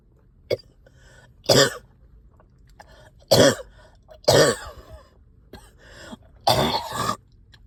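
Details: Productive cough in a person up all night with a heavy chest and headache: four or five harsh, rattly coughs with throat clearing between, wet and phlegmy with stubborn sticky phlegm.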